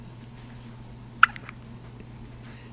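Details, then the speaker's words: Newborn baby's first hiccups, possibly after drinking too much milk: a single sharp, brief hiccup followed by a couple of fainter catches over a low steady room hum. "what's wrong? You got hiccups?"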